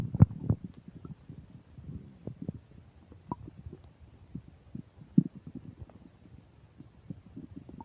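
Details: While eating a burger and fish fries with self-described upset digestion, close new microphone picks up frequent low abdominal gurgles and rumbles over faint static; active bowel sounds (borborygmi).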